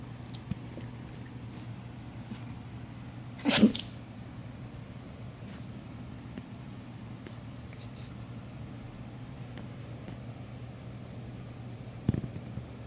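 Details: A single short, sharp sneeze over a steady low room hum, with a fainter burst near the end; sneezing.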